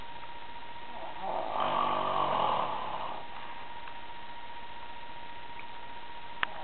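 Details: Adult snoring during sleep: a single loud, rough, rattling snore, likened to a wild pig gasping, over a steady background hum.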